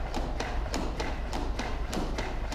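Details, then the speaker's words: LUCAS 2 mechanical CPR device demo: first compressions light while gauging 2-inch depth, then full speed, 30:2 or continuous mode; steady rhythmic thumps at about 100–102 compressions per minute. "when I hit go here you'll see the first couple compressions are fairly light just trying to figure out what the 2in depth on this patient is and then it starts going to full speed for um either a 30 and2 duty cycle or continual"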